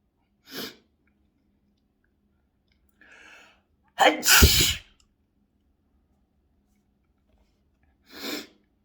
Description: so sneezy